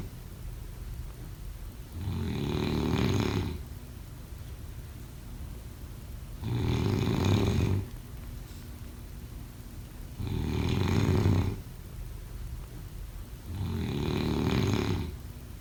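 Four loud, low rattling snores at regular intervals, about 16 a minute, each on the in-breath; typical heavy snoring.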